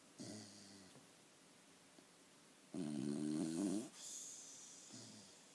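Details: Snoring during sleep: repeated low, vibrating snores on the in-breath with quiet breathing between, about three in five seconds.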